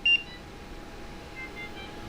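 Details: A single short high beep, then quiet room hum: LTV portable ventilator alarm sounding during the start-up vent check to confirm the alarms are audible.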